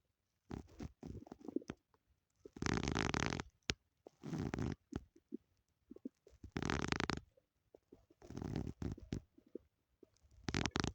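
Repeated bubbling, gurgling rumbles in irregular bursts with quiet gaps, consistent with ordinary stomach growling.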